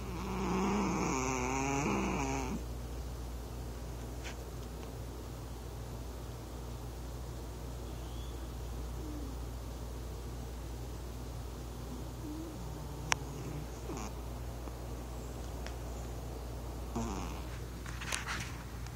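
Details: Male cat in deep sleep on owner's lap, reportedly never heard snoring before; steady low rasping rumble under room noise, with a brief meow at the start: snoring.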